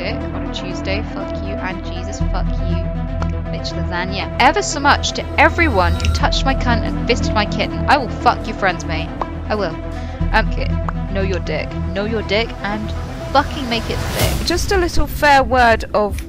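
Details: Tourette syndrome in an adult female streamer, with involuntary vocal tics including obscene words, mixed with video game audio in a comedy edit; vocal tics with coprolalia (Tourette syndrome).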